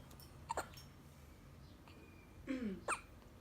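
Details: Baby with hiccups, said to be copying his sister's hiccups: short, sharp catches of breath with a small vocal sound between; infant hiccups.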